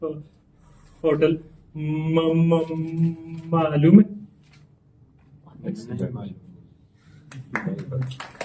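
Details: Man who stammers, in a stammering support session, deliberately stammering and including his feared words as a therapy technique; voluntary stuttering (deliberate dysfluency).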